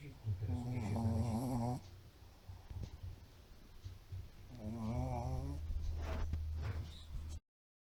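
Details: Snoring in a sleeping pug: loud, low, rumbling snores with a buzzing, tonal quality, about two breaths.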